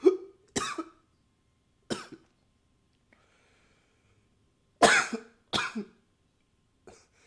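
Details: Recorded with a new high-fidelity microphone: five or six short, sharp coughs in separate bouts with quiet gaps and a faint soft hiss, in a quiet room; repeated coughing.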